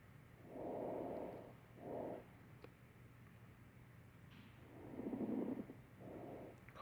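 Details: Coarse crackles in simulated lung sounds recorded on a mannequin.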